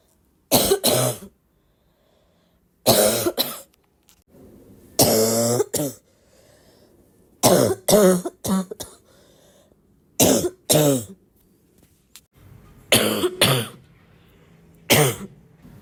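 Repeated harsh, voiced adult coughs in short clusters, with a barking quality, about sixteen bursts in all.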